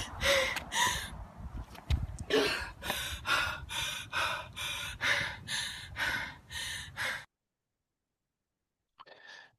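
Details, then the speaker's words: Example of an athlete-type case, not the speaker's own patient, with exercise-related wheeze: rapid, labored gasping breaths with a noisy, musical edge. "I get wheezy sometimes. Um I feel like I can't get enough air into my lungs."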